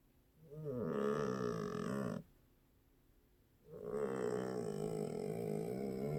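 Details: Cat snoring in sleep: loud, rattling, drawn-out breathing sounds separated by a quiet pause.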